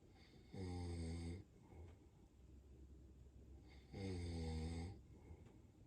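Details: German Shepherd dog asleep, snoring loudly: two loud, rumbling snores with quiet breathing between them.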